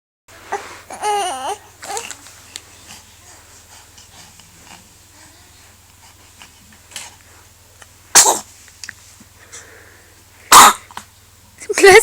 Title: Baby sneezes